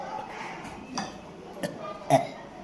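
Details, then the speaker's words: Boy burping intentionally on request, reportedly able to since childhood: short, low bursts of deliberate burping against room noise and clatter; voluntary belching. "ઓટકાર ખાતા આવડે છે હા ખાવ તો હજી વાહ ભાઈ વાહ કરો તો"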